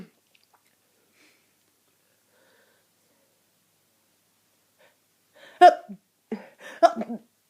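Long quiet stretch, then a short burst of a few harsh, abrupt coughs; cough.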